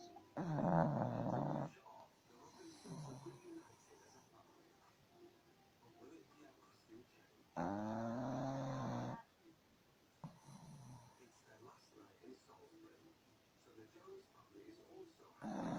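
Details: Two loud, rough, rattling snores about six seconds apart with quiet breathing between, from a sleeping dog; snoring.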